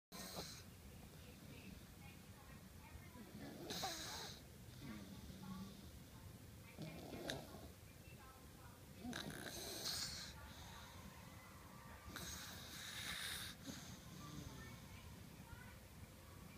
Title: Snore snore snore